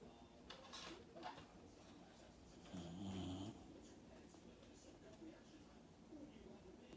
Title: Milo snoring while napping